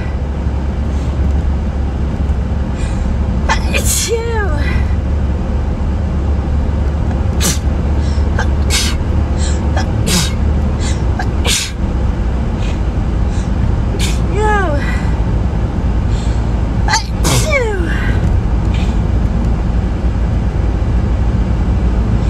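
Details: About three forceful allergy sneezes, each a sharp burst with a falling voiced tail, over steady vehicle rumble: sneezing.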